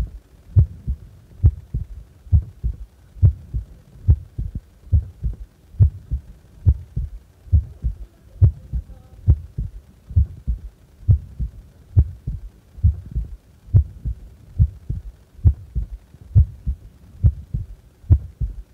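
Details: Steady, regular heartbeat at about 70 beats a minute with normal paired lub-dub sounds; normal heart sounds at complete rest.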